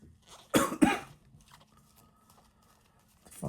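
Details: Cough from a person who apologises for coughing after a rough two weeks, recorded while opening trading cards; throat clearing follows: cough.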